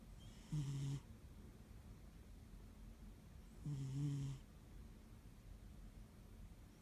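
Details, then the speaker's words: Two soft, low snores about three seconds apart from a sleeping male cat that snores every time he falls asleep, over a quiet room hum; ordinary snoring. "Does anyone else's cat snore like this? Just snoring away. He's like a little baby."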